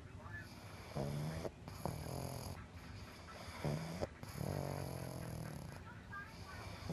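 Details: Snoring pug: repeated low, rattling snores from a sleeping flat-faced dog, with a steady background hum.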